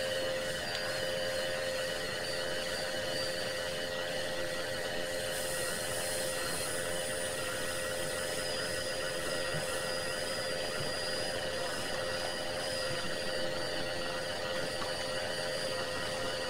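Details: Nebulizer running with an oxygen cylinder, continuous white noise recorded for relaxation and sleep.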